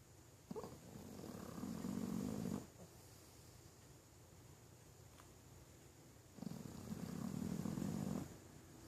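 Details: Pekingese dog falling into a "mechanical" snore right after a long stretch: soft, low rumbling snores on two breaths about six seconds apart, around 10 breaths a minute, in a quiet room.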